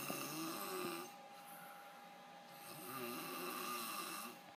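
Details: Father asleep, snoring: two rough, rattling snores on the in-breath with a quieter pause between; ordinary sleep snoring.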